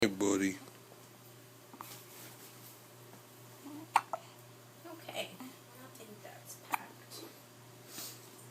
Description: daddy records the baby's hiccups